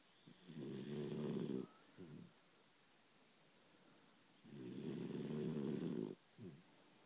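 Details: Dachshund dog snoring: two long, rattling, low snores, each followed by a short snort, with quiet pauses between them; snoring.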